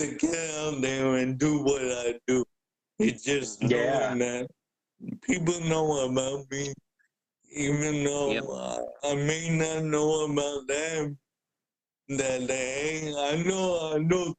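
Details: Adult man with cerebral palsy present since birth, a wheelchair user who describes mainly physical limitations; speaking is noted as hard for him. Dysarthria (cerebral palsy).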